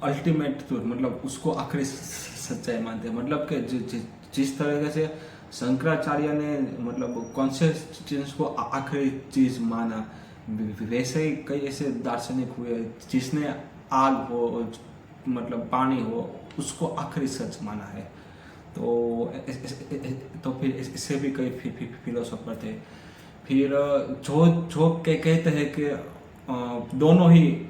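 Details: Adult man with stammering, on day 3 of a daily fluency practice routine that includes breathing and relaxation exercises, speaking continuously as reading and storytelling practice; stammering.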